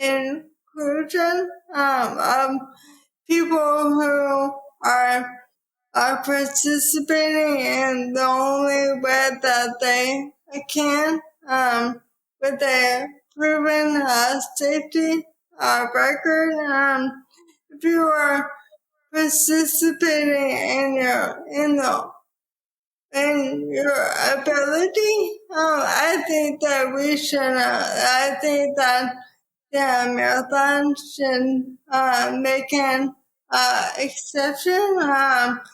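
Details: Woman diagnosed with probable ALS in 2014 at age 33, about ten years earlier, with rapid early progression; she reports her voice is slower and harder to understand; dysarthria.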